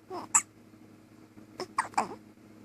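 Three or four brief, sharp little hiccup sounds with soft breaths between, over a faint steady hum; newborn hiccups, a common harmless finding.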